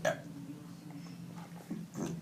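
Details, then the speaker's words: Deliberate voiced belch in a burping competition, low with short rough bursts at the start and end; the burper says they burped up chicken burger; burping. "Oh my goodness. I just burped up chicken burger. I can't. From the top. Chicken burger."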